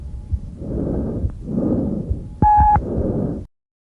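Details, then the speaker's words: Normal tracheal breath sounds: loud, harsh, hollow breathing with inspiration and expiration about equal, presented as an educational example. "the last one normal breath sound is tracheal breath sounds this is how it's"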